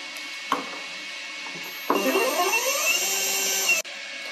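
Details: MPS Medical Pharm/Pump II, a microprocessor-controlled, dual-mode, quadruple-rotor peristaltic pump, filling an elastomeric pump for pharmacy IV admixture: a click, steady motor whine with fast rhythmic rotor pulsing, then a sharp stop click.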